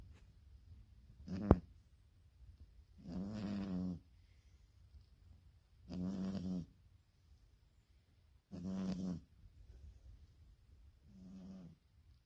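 Regular low, buzzing snores from a sleeping cat, roughly one every two and a half seconds, with quiet pauses between.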